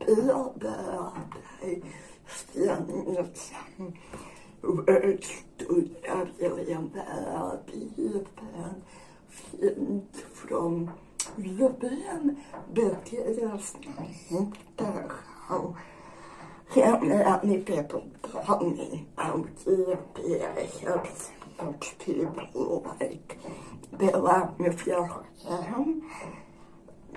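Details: Dysarthria in an adult woman with generalized dystonia.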